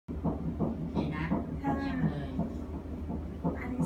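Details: Fetal heartbeat at 9 weeks of pregnancy, a first child, heard on ultrasound Doppler: rapid, regular whooshing pulses at about 168 beats a minute.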